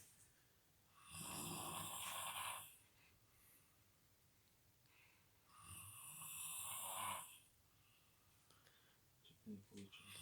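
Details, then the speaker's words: Sleeping roommate snoring loudly while others try pillow tricks to stop it, two long harsh rattling snores about four seconds apart with quiet gaps; loud snoring. "ок народ сегодня я покажу вам лайфхак что делать с лица седло сосед вот так вот сильно храпит"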